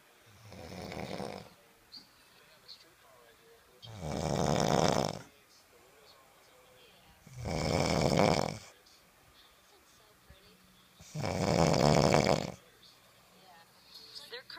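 Four loud, rough snores at roughly 17 per minute, with quiet pauses between them. Heavy snoring during sleep.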